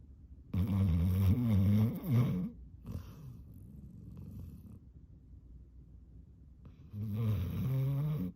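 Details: Exhausted yellow Labrador retriever snoring through the mouth while asleep: deep, buzzing, whistly, extremely loud snores with quiet pauses between.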